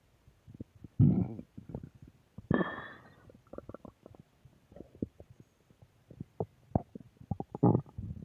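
Low gurgling rumbles with bursts of bubbling clicks, ordinary stomach growling from gas and fluid moving through the gut.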